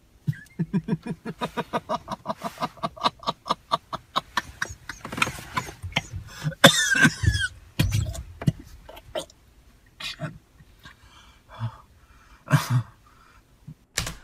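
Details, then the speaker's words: Adult man with pathological laughter from pseudobulbar affect (affective incontinence): rapid, rhythmic bursts of uncontrolled laughter give way to strained, breathy gasps and choked pauses as he clutches his neck, half choking. "está riendo pero a la vez fijaos que a nivel físico lo está pasando mal esto de cogerse el cuello de semi ahogarse"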